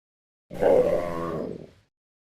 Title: Aardvark's Stomach Growling